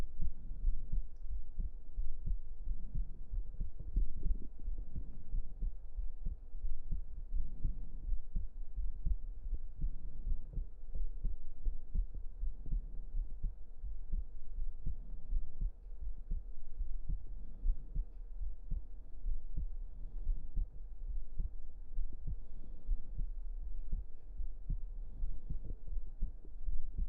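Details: Close-up recording of a muffled, low thumping heartbeat with a steady deep hum underneath.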